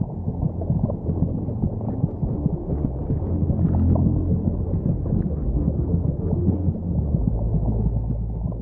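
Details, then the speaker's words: Simulation of hearing from inside the womb: muffled, low, rhythmic thudding of the fetal heartbeat, racing at twice the mother's rate, against the mother's heartbeat under a deep whooshing hum. "she can also hear the competing thud of heartbeats her own racing at twice the speed of her mother's both her constant companions during her time in the"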